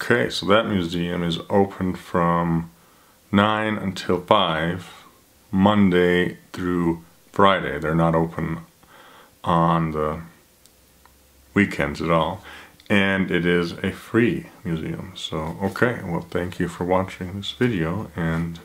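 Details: Adult man who stutters; a repeated word and long silent gaps that may be blocks; stuttering.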